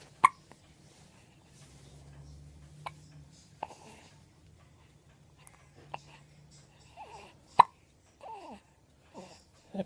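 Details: Baby hiccups: brief, sharp hiccups at irregular intervals, about six in ten seconds, between soft baby babbling in a quiet room.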